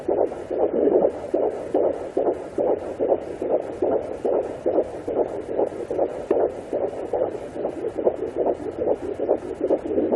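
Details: Fetal heartbeat of a baby girl at 18 weeks 4 days of pregnancy on a Sonoline B pocket fetal Doppler: rapid, regular whooshing pulses, about 146 beats a minute.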